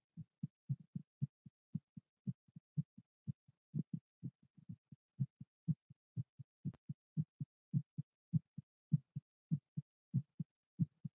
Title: ASMR live heartbeat